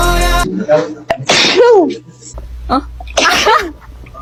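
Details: Music cuts out before two short bursts with voiced, falling cries amid brief background talk, from a compilation of idol group members' loudest and quietest sneezes. Sneeze.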